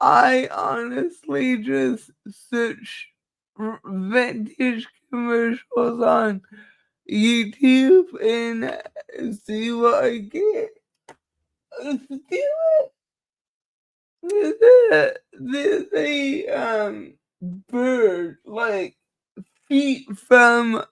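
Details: Dysarthria in a speaker with cerebral palsy; she says the cerebral palsy is why she talks this way and that nothing can be done about it; real, not acted.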